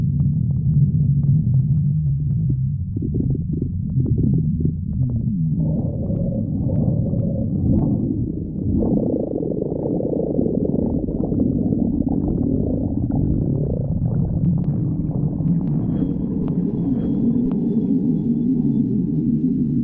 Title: stomach growling 45